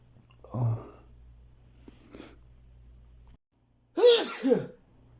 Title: I really need to sneeze a lot